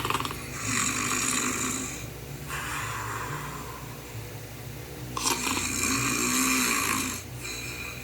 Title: Tim the toucan snoring